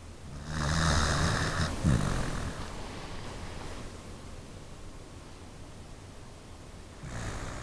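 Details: Sleeping dog snoring: a loud, rough, fluttering snore, followed by quiet breathing and the next snore beginning.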